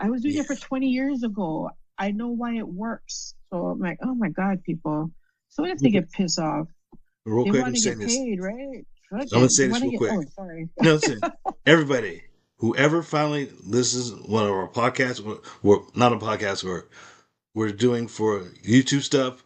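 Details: Woman with aphasia after a stroke, speaking in conversation; aphasia.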